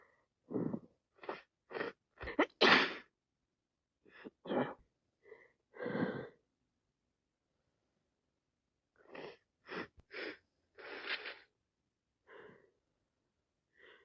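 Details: Wet sneezing and sniffles from a cold, with more sneezing after 3 minutes; repeated short sneezes and wet sniffles in two clusters with a pause between.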